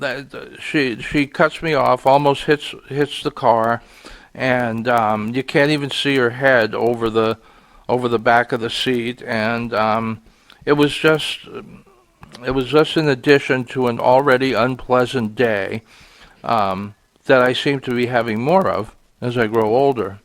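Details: Stuttering in an adult man, which he says is audible here and links to being frustrated that day.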